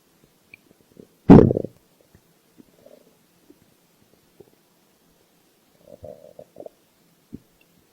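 One strong low rumbling growl, then faint scattered gurgles: ordinary hunger stomach growling.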